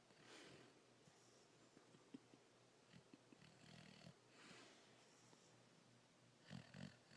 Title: Snoring dog